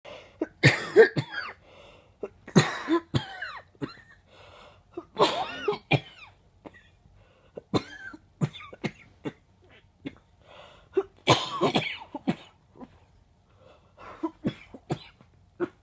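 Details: Person with a bad cold and chest pain while coughing: repeated harsh, wet coughs in clusters with gasping breaths between, a productive cough with chest congestion.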